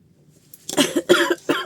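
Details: Adult woman who says she is ill and exhausted: a short run of harsh, dry-sounding coughs, about three bursts.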